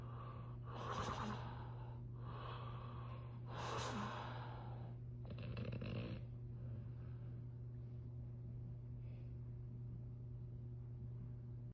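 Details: Snoring from a sleeping man while his Chihuahua cuddles with him: three rough, noisy snoring breaths a few seconds apart over a steady low hum.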